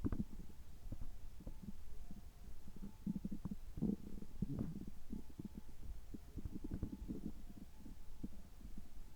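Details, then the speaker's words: Adult's abdomen recorded right after a gastroscopy whose result was normal, with irregular low gurgles and rumbles over room hum: ordinary stomach and bowel sounds. "ちょっと声が変ですけども、胃カメラ直後の、えお腹の音、胃の様子を聞いていただければ嬉しいです。"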